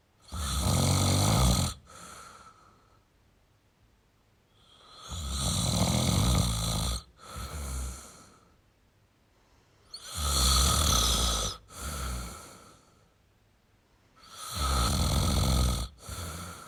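Loud, rumbling snores repeating about 13 times a minute, each breath with a brief break and a quieter tail; ordinary snoring.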